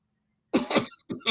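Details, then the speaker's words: Adult pool-match commentator, live on a stream, who says he needs a cough drop: two quick harsh cough bursts followed by a short throat clear, an ordinary cough. "I need a cough drop. But Russ tells me you guys can hear me when I have a cough drop."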